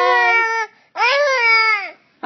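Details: Baby crying after being told no: two clear, strong wailing cries separated by a breath, normal-sounding pitch; ordinary fussy crying.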